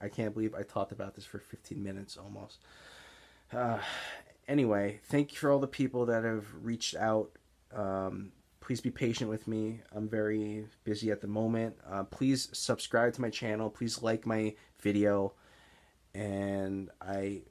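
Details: Adult man with Tourette's syndrome and stuttering, mainly speech blocks seen as excess or mid-sentence pausing, especially on words beginning with S; stuttering (speech blocks).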